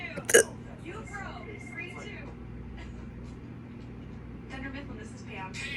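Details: Person while watching TV with a single abrupt, loud hiccup-like gulp or burp, self-described as sounding like a pig, TV dialogue in background; hiccup with burp.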